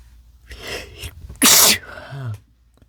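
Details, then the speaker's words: Adult male in a quiet, acted don't-sneeze scenario whispering about a tickle and trying to hold back sneezes, with loud sneezes at the end. "Can't sneeze. Tickle. It's getting so bad. Don't sneeze. Don't sneeze. Can't sneeze."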